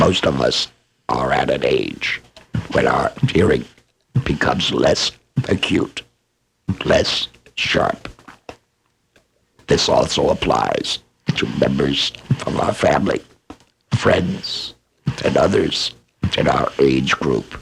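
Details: Adult male laryngectomee speaking; esophageal speech after laryngectomy.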